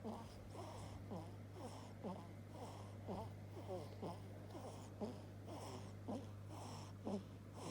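Quick, soft snorting breaths about once a second over a steady low hum. Light snoring.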